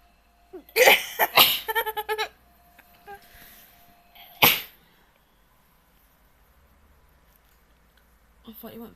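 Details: Dog gives three sharp, explosive sneezes in quick succession with brief voiced sounds between them; sneezing.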